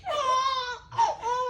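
A brief infant cry or whimper in two short bursts.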